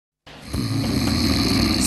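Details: Low, rattling, rising breath sound that builds and continues to the end, fitting the start of a snore.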